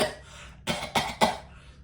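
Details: Imitation of a man repeatedly coughing in a movie theater: three sharp, harsh coughs in quick succession after a breath in; cough.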